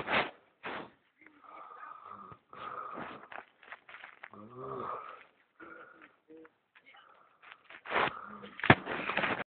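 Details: Adult man (boyfriend) snoring in sleep: irregular rough, rattling breaths with fluttering noises on several breaths, quiet room.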